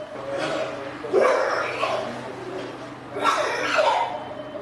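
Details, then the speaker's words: Painful coughs from a COVID-19 patient struggling to breathe in intensive care in Lagos, Nigeria, during the second wave in January 2021: two harsh, voiced bursts about two seconds apart over steady room hum. "as the sound of painful coughs fill the corridor one can't help but hear three words of warning ring out to those still doubting the danger of this virus"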